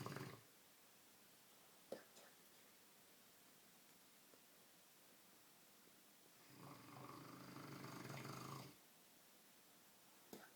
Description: Dogue de Bordeaux Milo having a real zizzz!